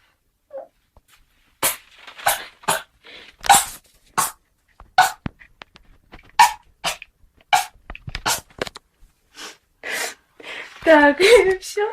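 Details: Run of about a dozen (11) consecutive short, sharp sneezes in close succession, ending with vocal sounds; repeated sneezing.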